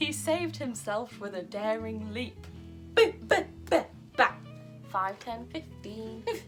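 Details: Vocal tics of Tourette syndrome in an adult woman, interrupting her reading aloud.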